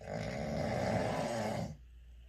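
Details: Sleeping male: one long, loud, grumbling snore lasting nearly two seconds, then quiet; snoring.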